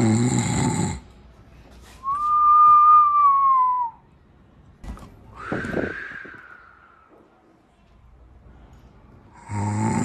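Rough rattling snores on the breath in, with a high whistling tone on one breath and a gusty breath out between, typical snoring.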